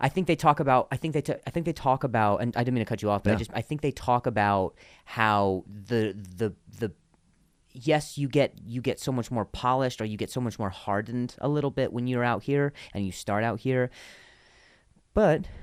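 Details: Real stuttering in a comedian podcast host who links his stutter to an injury, with repetitions of words and phrases in conversational speech: stuttering.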